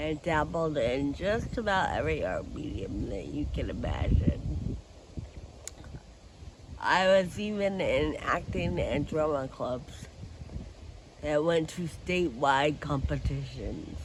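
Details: Adult woman with Friedreich ataxia who uses a wheelchair: ataxic dysarthria.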